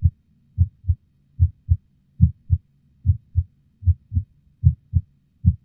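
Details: Strong regular paired low thumps about 75 per minute, heart thundering during an intense orgasm with at least one skipped beat reported; heartbeat.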